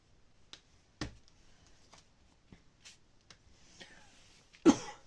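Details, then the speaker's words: A woman coughs while filming a craft tutorial; she apologizes and says she will cough all her life. "vous sachiez que je suis en train de tousser. Pas très correct."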